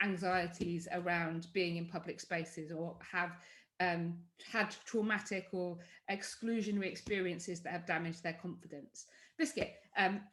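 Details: Tourette syndrome vocal tic in an adult woman: involuntary words like 'biscuit', 'hedgehog', 'sausage' and 'cats' interrupt her speech. She also has motor tics, including chest banging.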